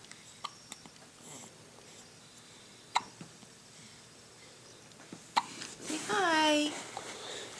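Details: Six-day-old newborn with hiccups: sharp, brief throat clicks at irregular intervals, about three in the clip, with room noise and a voice near the end.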